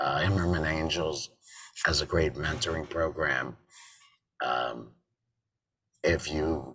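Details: Adult man with total laryngectomy in February 2019 and a tracheoesophageal voice prosthesis since September 2019, sometimes also using an electrolarynx: tracheoesophageal speech.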